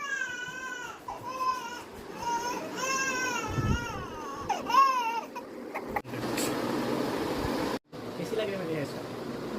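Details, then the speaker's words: Five-month-old exclusively breastfed boy, sleepy, who cries before sleep: rising, wavering wails with whimpers between, in a small room; ordinary infant cry. "बर्तन मांजने के बाद इसके पापा को खाना दिया उसके बाद ये रोने ही लग गया"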